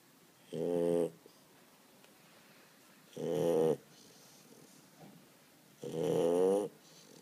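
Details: Sleeping Chow Chow dog: three loud, buzzing snores on the in-breaths, about 22 a minute, with quiet pauses between; snoring.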